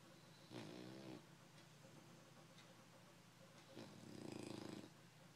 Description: English bulldog snoring